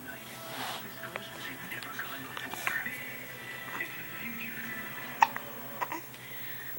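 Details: Hiccups in a baby: several brief, sharp catching sounds a few seconds apart, over a soft adult voice and background tones.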